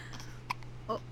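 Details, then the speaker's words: Two short, abrupt voiced catches about half a second apart from an infant girl with recurrent hiccups, over steady room hum; hiccups. "Baby girl. Hey. Do you have the hiccups again?"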